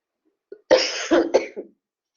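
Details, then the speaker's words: Adult with a 15-year chronic cough: a short run of three or four harsh coughs. "cough like this for 15 years and when covet hit I felt like I needed to wear a t-shirt that said not covered"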